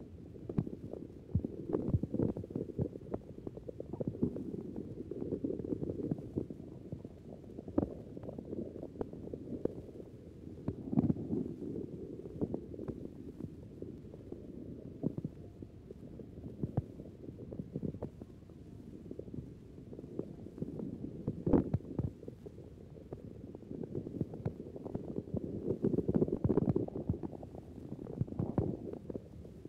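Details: Stethoscope on the belly wall of a normal, hungry man who has just smoked a cigarette before dinner: frequent gurgles and rumbles, normal but very active intestinal movement, hyperactive normal bowel sounds.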